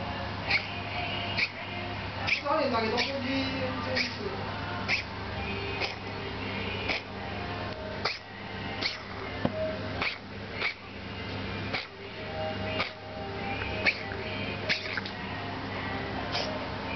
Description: My cats been having coughing fits after her surgery to remove cancerous tumors from her breasts.